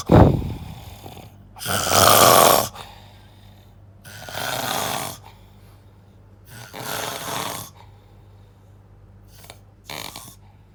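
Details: Loud, rough snores at irregular intervals, about four in ten seconds, with quiet pauses between; heavy snoring.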